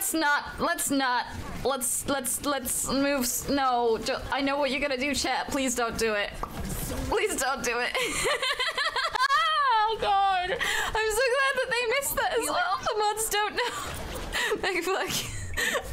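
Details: Female streamer with Tourette syndrome and self-reported severe coprolalia; swearing tics interrupt her speech; vocal tics with coprolalia in Tourette syndrome.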